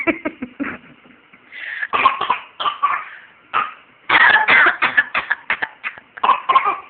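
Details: A young boy playfully pretends to cough, his favourite game: a series of quick, voluntary pretend coughs made for fun rather than from illness.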